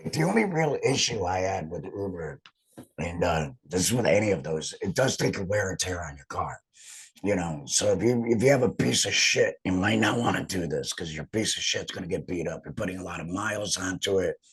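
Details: Adult male laryngectomee about two and a half years after total laryngectomy, wearing a heat and moisture exchanger (HME) over his stoma, who reports that talking makes the stoma vibrate and hurt; alaryngeal speech after total laryngectomy.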